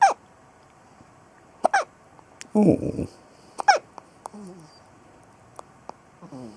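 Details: A son with hiccups: several short, abrupt gulping sounds at irregular intervals, with brief vocal squeaks between them.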